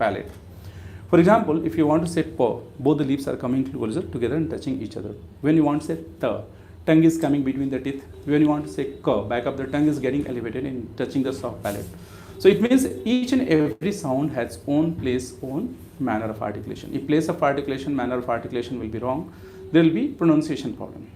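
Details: Adult male speaker; typical adult male voice.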